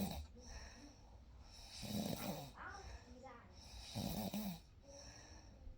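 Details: Real night sleep recording: soft, breathy snoring sounds a couple of seconds apart against quiet room noise; light sleep snoring.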